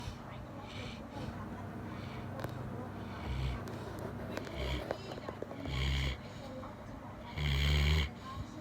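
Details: Golden retriever snoring very loudly while asleep: repeated low, rumbling snore bursts over a steady noisy background.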